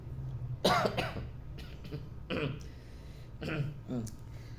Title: dry cough and chesty cough #cough #chesty #dry #sick